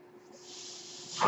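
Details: A man with a ventilator speaks over a steady airy hiss that swells toward the end, like pressurized air in tubing; he identifies it as his own mechanical ventilator noise.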